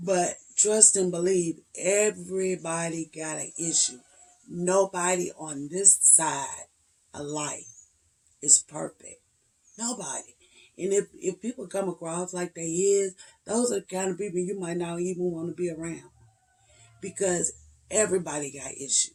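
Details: 56-year-old woman, onset late 2014–early 2015, with voice tremors, cracking voice and difficulty getting words out; treated every three months with neck injections paralyzing laryngeal muscles, last one just over two weeks earlier: spasmodic dysphonia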